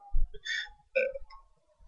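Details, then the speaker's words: A girl burps on command in a lounge: two short, low, throaty belch sounds in quick succession; burping. "okay let's hear this burp she did a pretty good burp"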